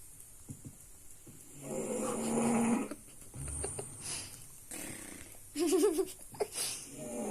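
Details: A sleeping French bulldog snores loudly, with rattling, vibrating breaths and some whistling, squeaky tones. Its snoring keeps the household awake.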